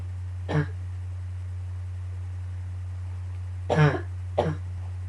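Three harsh cough bursts, one early and two close together near the end, over a steady low hum of room noise.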